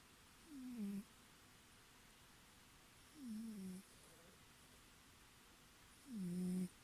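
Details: Sleeping cat snoring: three low, rough snores with a slight rising whine, spaced a few seconds apart, over quiet room hiss.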